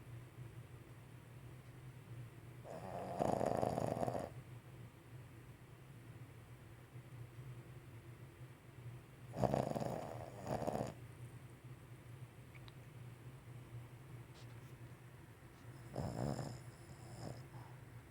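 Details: Animal snoring while asleep: slow, rattling snores about every six to seven seconds over quiet room noise.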